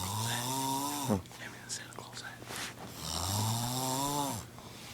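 Two loud, buzzing, rattling snores on the in-breath with a breathy gap between them: snoring.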